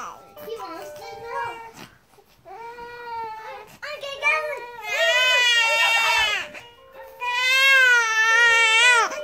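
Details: A 1-month-old baby boy cries during tummy time while urged to lift his head: fussing builds into sustained, loud, high-pitched wails with short breaths between, faint music; infant cry.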